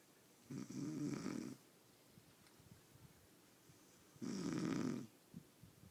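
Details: Snoring in deep sleep: two loud, rough, rattling snores about four seconds apart, with quiet breathing between them.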